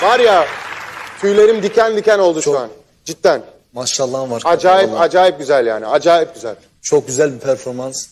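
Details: Adult man; typical speech.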